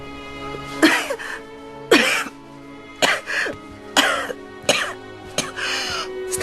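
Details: Acted coughing by an actress in a film scene: a woman gives a series of coughs over steady background music.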